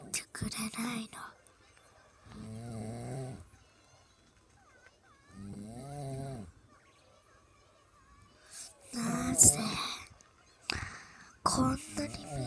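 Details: Snoring of a mother described as drunk.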